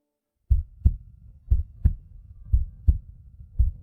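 Low, regular paired thumps of a heartbeat, around 60 pairs a minute, used as a film sound effect.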